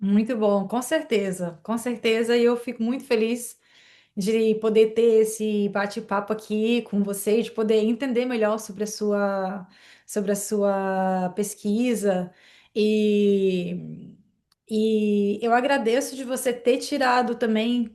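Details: Adult woman speaking Portuguese; ordinary speech.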